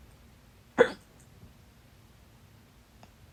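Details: Stubborn fast hiccups blamed on too much salsa, lasting 30 minutes late at night; holding the breath failed until the fourth try: one loud, sharp hiccup, then quiet with a faint softer catch.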